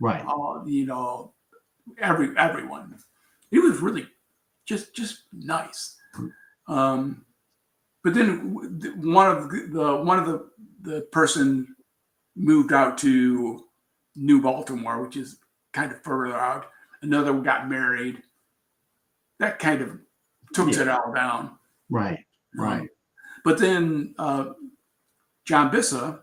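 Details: Aphasia in an adult man after a traumatic brain injury from a bicycle accident about four years earlier, with coma, followed by four years of recovery relearning to speak; trouble with words.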